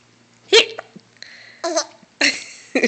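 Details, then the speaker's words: Young girl with hiccups: three or four abrupt, sharp, squeak-like voiced gulps about a second apart; hiccups. "H hiccups are funny aren't they"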